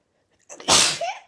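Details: Person sneezing: a short inhaled catch followed by one forceful, hissing sneeze burst.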